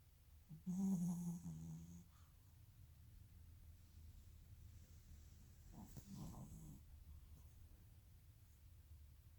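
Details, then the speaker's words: Two low, rough snoring breaths separated by quiet breathing; snoring in a sleeping female dog. "Somebody is very sleepy when she's snoring."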